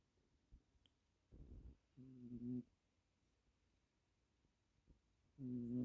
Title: Black cat snoring after long hard day of doing nothing, turn sound up! #blackcat